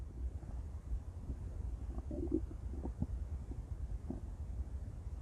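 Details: Intense stomach growls: low, rumbling, gurgling bowel sounds against a steady low hum.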